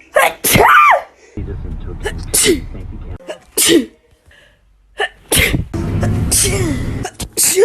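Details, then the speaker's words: Person trying to make themselves sneeze within 15 seconds using a piece of grass: several sharp sneezing bursts with intake breaths between, brief talk and background music: sneezing. "trying to make myself sneeze in less than 15 seconds with a piece of grass"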